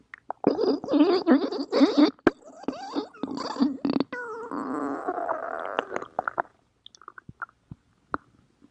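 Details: Stomach growling (borborygmi).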